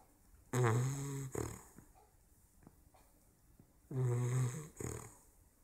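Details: 16-week-old bulldog puppy snoring: two deep, buzzing snores, each followed by a short snort; snoring.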